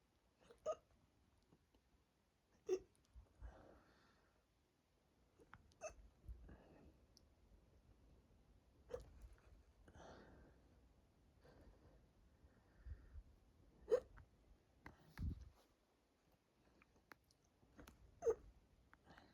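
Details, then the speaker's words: Adult with tight, bloated stomach after drinking lots of fluid to induce hiccups, chest and throat starting to hurt: sharp abrupt hiccups about seven in twenty seconds with soft breathing between; hiccups. "Anyway, focus and be silent for a little bit. Well, as silent as I can be with hiccups."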